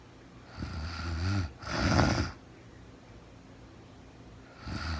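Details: Real-time recording of a woman asleep overnight, very tired, no talking (labelled REM sleep): deep vibrating snores with a short snort-like burst, then quiet pauses between breaths; snoring.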